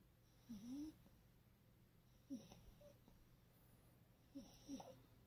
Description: french bulldog immediately breathes better after rubbing a small amount of vicks above his nose.